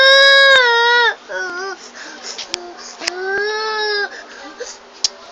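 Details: A young child cries in loud, drawn-out wails with sobbing catches and whimpers, upset because daddy is leaving for work and won't stay; he says he'll be back at Christmas. Ordinary upset crying.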